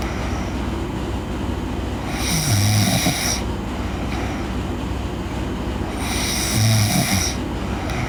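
Two loud, low rattling snores on the in-breath, about four seconds apart (roughly 15 breaths a minute), over steady background hum.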